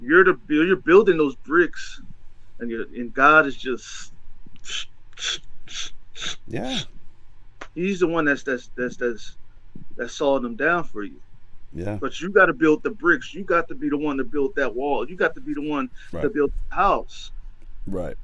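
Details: Stuttering in an adult male who says he has a speech impediment and stutters a lot, with word repetitions.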